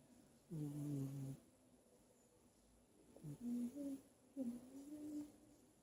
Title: The snoring kitten 🐈